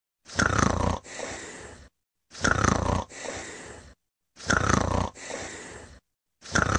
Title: Sengetidsrutine: Sover og Snorker på 33 Sekunder